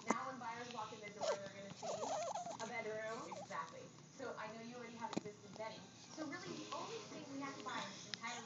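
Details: Intermittent fussy infant cries and whimpers with occasional sharp catches from a baby who has the hiccups.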